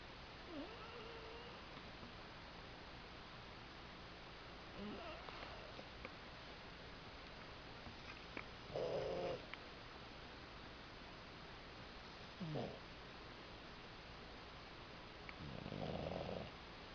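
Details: Bulldog that sleeps all day: soft, irregular snorting breaths about 16 a minute over a steady room hiss; snoring.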